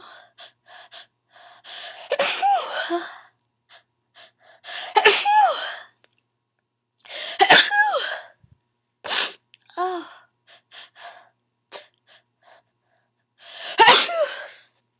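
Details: A person gives a run of five or six sharp, explosive sneezes, each led by a short intake, with small sniffs and snorts between them; repeated sneezing.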